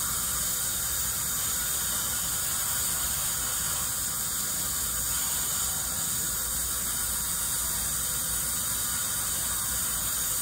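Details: Ultrasonic scaler with water spray during a dental hygienist's teeth cleaning of a dentist: a steady high-pitched whine with hissing water spray throughout.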